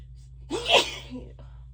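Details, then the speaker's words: Deliberately induced sneeze, announced aloud beforehand ("so tickly, gonna sneeze"), with itchy, watery eyes; a single sharp sneeze with a quick breath in before it and a soft sound after. "Jeez. Sorry, it's so tickly. I can't eat my head. Gonna sneeze."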